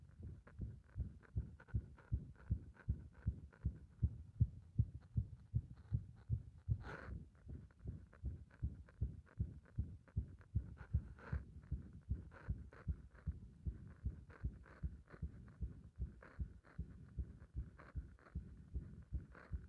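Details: Heart compressed and stumbling: fast heartbeat roughly 150–160 a minute with uneven spacing and occasional stumbling or skipped beats; irregular rhythm.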